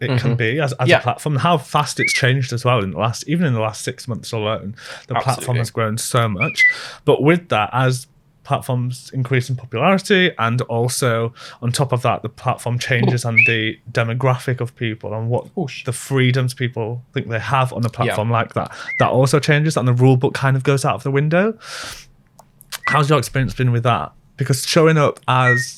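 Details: Adult male speaker; typical speech.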